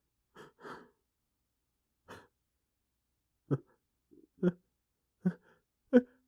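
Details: Person trying and failing to hold back sneezes, which grew louder than intended: a few quiet breaths, then four sharp, partly held-back sneezes in quick succession.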